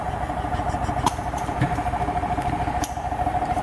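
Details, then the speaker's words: Intrapulmonary percussive ventilation device (Pegaso / Mini Pegaso) in percussion mode, used with a percussion connector between filter and mask: steady rapid mechanical pulsing with a constant hum as high-frequency air bursts reach up to 600 cycles per minute to loosen dense secretions. "the device supplies bursts of air which alternate positive and no pressure on the patient with a high frequency ranging from 5 50 to 600 cycles per minute"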